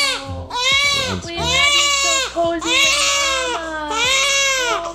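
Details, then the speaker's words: Newborn boy in his first week of life, described as irritated and hypersensitive, crying: loud, high-pitched crying in repeated wailing bursts with brief breaths between. "calm down calm down how do you weigh me okay okay no no no no no no no no no no no no no no no he's so irritated by every single little thing really yes he's hyper sensitive"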